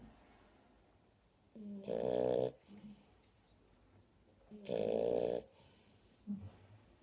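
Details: Shar pei puppies snoring: two loud, honking snores with a buzzing, nasal tone, each followed by a soft whistling out-breath, in a quiet room.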